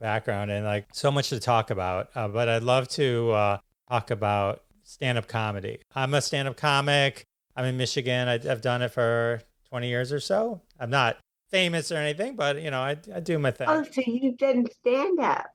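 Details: Adult male speaker; normal speech.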